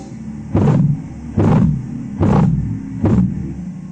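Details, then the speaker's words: Korotkoff sounds, phase 2, during blood pressure measurement: four soft, swishing, murmur-like pulse sounds at about 72/min over a low rumble. Intensity drops from phase 1; no clinical significance. "ahora vamos a hablar sobre la fase 2 el ruido pierde la intensidad y se escucha como un soplo este ruido no tiene importancia clínica"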